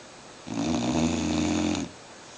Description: snoring.